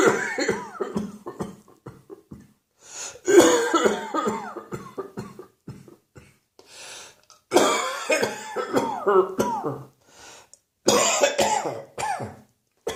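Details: Mid-morning winter coughing fit in an adult: repeated bouts of rapid, harsh coughing broken by brief pauses and indrawn breaths.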